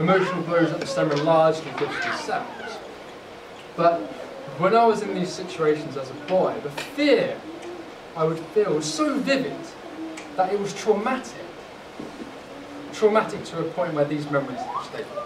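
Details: Adult who has stammered since childhood (first recollections at age eight), using the McGuire technique for over 10 years; speech fluctuates, sometimes almost fluent; stammering.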